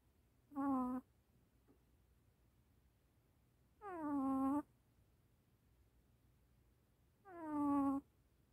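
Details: Three soft, high whimpering cries in a quiet room from a sleeping baby puppy: sleep vocalization (sleep talking).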